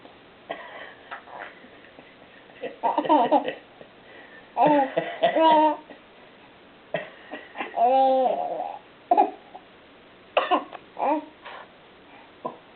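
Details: Sick infant almost 8 months old gives short, scattered coughing bursts mixed with voiced giggles and squeals, with quiet pauses between.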